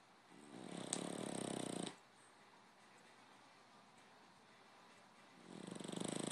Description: My French Bulldog Applesauce snoring - he sleeps with his tongue sticking out